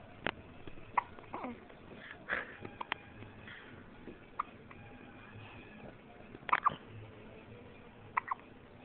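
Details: Infant hiccups: several short, abrupt gulping catches at irregular intervals, with faint infant noises and room sound.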